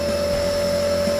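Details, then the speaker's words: Omron compressor nebulizer, no Ventolin, treating a child with cough and cold: steady mechanical hum with a constant tone; normal compressor nebulizer running sound. "Ya, nah ini akan mempermudah dahaknya ini akan lebih encer. Jadi tidak menyumbat ke saluran pernapasannya."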